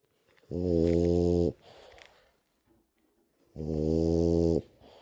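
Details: Sleeping rescue French bulldog snoring: two loud, buzzing, vibrating snores about three seconds apart, with quieter breathing between.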